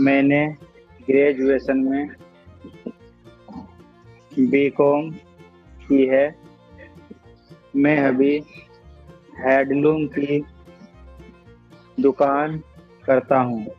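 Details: Adult male stammering student who took a stammering course and practises techniques for blocks on certain words, speaking with background music; stuttering.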